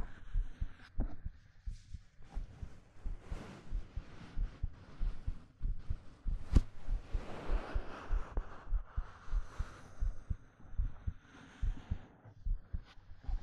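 Soft steady heartbeat about 98 beats a minute with fabric rustling over it; a normal heartbeat heard up close.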